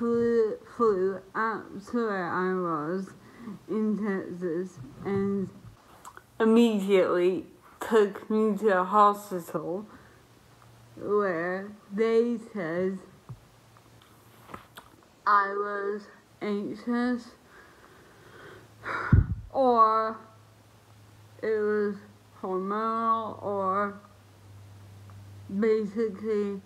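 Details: Woman who lost the ability to speak properly about a year and a half earlier due to an autoimmune reaction to a virus; dysarthria.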